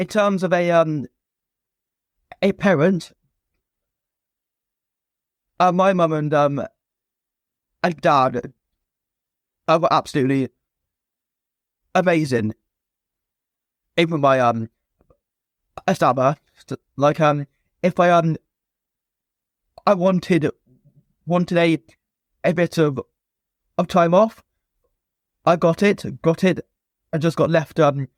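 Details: Stuttering (stammering) in an adult male former soldier, now a personal trainer, who has stammered since a young age; repetitions and blocks are present.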